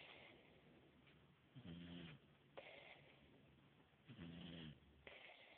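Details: Snoring during sleep: low, rough snores on two breaths about 2.5 seconds apart, with quieter breathing between and steady room noise.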